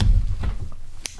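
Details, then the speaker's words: Adult during a live-streamed ASMR eating session; deep, low rumble fading over about half a second as her stomach growls: stomach growling (borborygmi). "あ、ごめんなさい、お腹鳴っちゃった。え、聞こえた？大丈夫だった？聞こえなかった？ごめんなさい、ちょっとグーってなった。"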